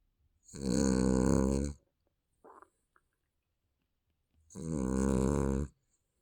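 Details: Infant snoring during sleep: two loud, rattling snores about four seconds apart with near silence between.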